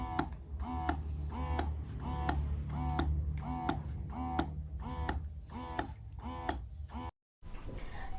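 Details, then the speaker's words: Yoboo electric breast pump running, recorded in the daytime and judged somewhat noisy: a steady low motor hum with a repeating rhythmic whir about 86 times a minute. The pump has a combined massage-and-pump mode and levels 1–9. "sekarang aku mau kasih dengar kalian suara mesinnya suaranya diambil pada saat siang hari"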